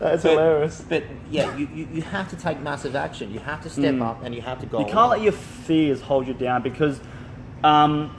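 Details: Adult man speaking; ordinary speech.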